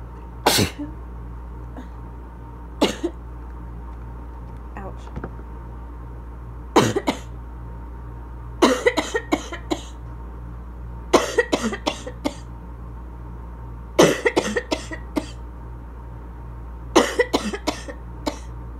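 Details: Repeated bursts of wet, chesty coughing from an adult with asthma, growing more congested over time, with possible inhaler sounds in the background. Congested asthma cough.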